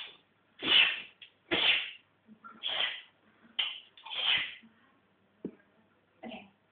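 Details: Dog sneezing: a run of about seven short, sharp, hissing bursts at irregular intervals; repeated sneezing.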